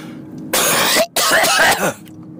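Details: Adult man who has been unwell, linked to a whooping cough epidemic: two harsh, forceful cough bursts in quick succession; cough (whooping cough).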